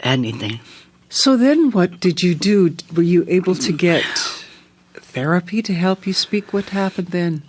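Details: Adult interviewer; typical speech.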